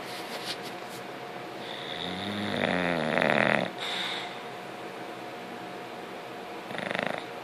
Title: yes...bulldogs snore